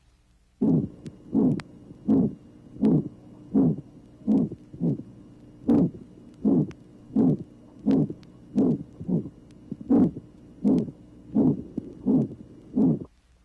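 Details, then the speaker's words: 1967 auscultation teaching record, tracing 12: marked aortic stenosis, heartbeat about 80 a minute with a harsh mid-systolic ejection murmur, reduced aortic second sound and post-extrasystolic accentuation of the murmur. "tracing number 12 marked aortic stenosis harsh mid-systolic ejection murmur reduced intensity of the aortic second sound note also the post extra systolic accentuation of the murmur"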